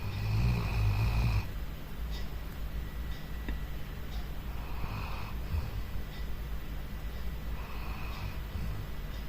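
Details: Sleeping dog snoring: soft, low, rumbling snores repeating every couple of seconds over a steady background hum.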